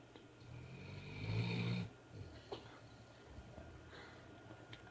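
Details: Snoring said to sound like his grandpa's: one loud, low, rattling snore on the in-breath, then quieter breathing with faint room noise.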